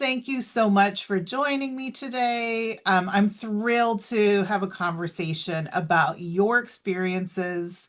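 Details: Adult woman, interviewer; typical speech.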